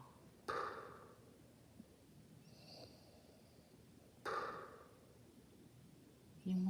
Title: Nanay Snoring